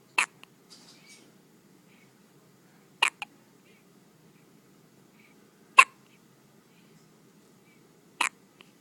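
Four sharp, short hiccup sounds spaced a few seconds apart in a quiet room; ordinary infant hiccups.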